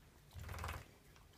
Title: Coughing